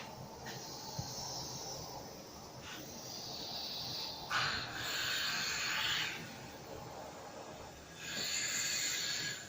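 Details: Repeated airy hissing rushes of air pushed in and pulled out by a cough assist device in manual mode at ±45 cmH2O, on a hospitalized ALS patient whose caregiver is being trained: mechanical insufflation-exsufflation.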